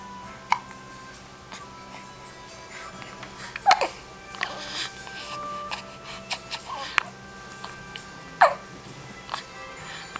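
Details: A young child hiccupping: several brief, sharp hiccup sounds at irregular intervals, with music in the background.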